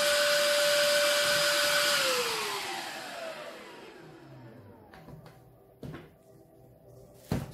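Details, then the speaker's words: Model X8 electric baby nasal aspirator, newborn nose cleaner, running while fitted to a vacuum cleaner extension in a demonstration: loud steady motor whine winding down, then a few handling clicks. "so let's fire it up and see if this can live I always get up with if you're not blue"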